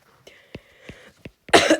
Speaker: [cough and clears throat] Thank you. And I'm sorry for my voice cuz I'm sick right now.